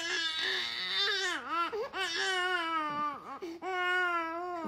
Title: So adorable baby crying / Mommy making babies cry ( 4 months 17 days old baby boy )